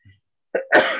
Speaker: me i'm going to sneeze that's the sound for you